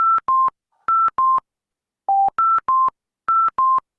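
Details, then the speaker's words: Ventilator high-priority alarm on a patient in pressure control ventilation with low tidal volume and high respiratory rate: rapid bursts of loud two-tone electronic beeps repeating in quick groups. "when you get an high high priority alarm like this never switch off the alarms"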